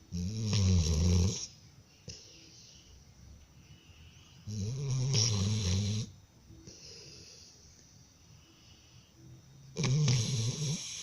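Deep, rumbling snores on each breath in, with quieter breaths out between, about 13 breaths a minute; dog snoring.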